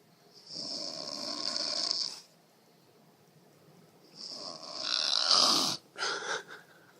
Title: Tacolcy Snoring